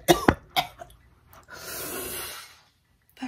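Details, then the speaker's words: Harsh coughs then a long, noisy exhalation from an adult with bronchitis after about 5 days of illness (likely influenza A first), on antibiotics, waking at night unable to breathe; cough (bronchitis). "But so essentially, I have bronchitis, and so it's so cold. So I've been sleeping upstairs because I kept waking up and not being able to breathe, and I need my mommy to sleep with me."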